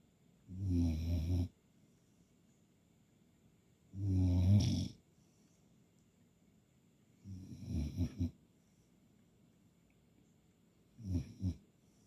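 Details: Puppy snoring: four low, rumbling snores in twelve seconds, the later ones broken into short fluttering bursts, with quiet pauses between.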